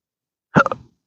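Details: Single abrupt voiced hiccup with short jerky tail in an adult with intractable hiccups since December 2015 after surgery with pudendal nerve injection and nerve damage, recorded outdoors on a roof at sunrise.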